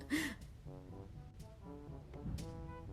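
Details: Shih Tzu dog, rarely sneezes, several short sharp sneeze bursts separated by honking sounds, music in background; owner thinks just a nose tickle, dog was fine; sneezing.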